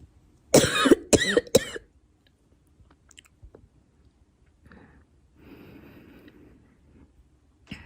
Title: Girl coughing 12